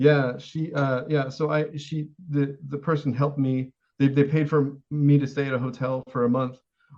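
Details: Adult man with severe Tourette syndrome whose most reliable verbal tic, the word 'Shakespeare', is heard at the start; vocal tic (Tourette syndrome).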